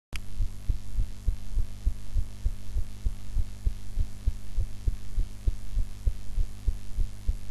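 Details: Steady low heartbeat thumps at about 100 a minute under a constant hum, recorded after eating in an unusual body posture; regular normal heart sounds.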